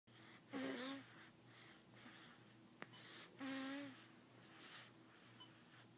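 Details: Young boy sleeping and drooling: two drawn-out, whistling snoring breaths with a wheezy edge over quiet room noise; snoring.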